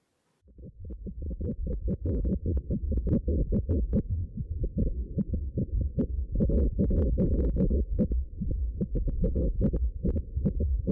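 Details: Fetal heartbeat heard on the ultrasound machine during a pregnancy scan, fetus head down: rapid, regular whooshing Doppler pulses about 145 a minute, normal for a fetus.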